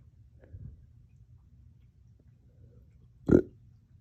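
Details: Painful hiccup-burps that hurt the chest, starting after a dog walk and drinking water too fast: a faint low gulp, then after a pause an abrupt low burp with a hiccup-like catch, over low room rumble; hiccups with belching.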